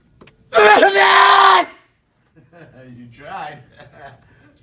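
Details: Adult's loud, drawn-out voiced sneeze in a newsroom, followed by quieter background voices in a small room.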